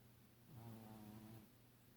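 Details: Snoring from Tuco, a small Chihuahua dog, asleep: one brief, soft, buzzing snore over steady room hiss; owner says he snores like he has apnea.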